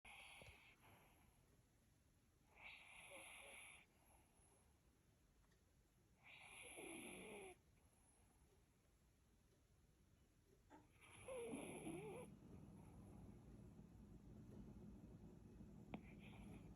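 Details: Chihuahua sleeping and snoring; quiet rough snores, about four bursts at roughly 15 breaths a minute, over steady room noise.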